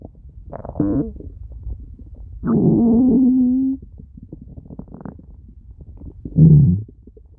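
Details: Stomach growling: three low gurgling rumbles, the middle a long tonal groan over a second, with quiet bubbling between; ordinary borborygmi.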